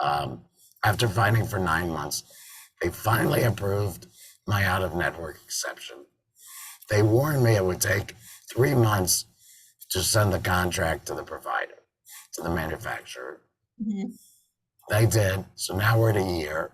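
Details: Tracheoesophageal speech from an adult man after total laryngectomy in February 2019, with a tracheoesophageal voice prosthesis (TEP) fitted in September 2019; he sometimes also uses an electrolarynx.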